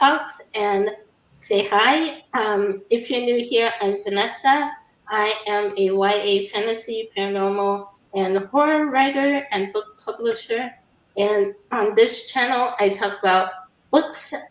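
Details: Adult woman; typical speech.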